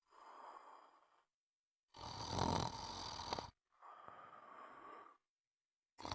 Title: Sound of snoring